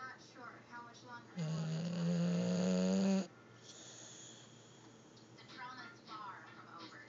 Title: My snoring furry-son